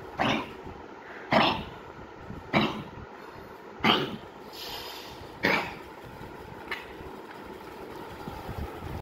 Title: kennel cough PUG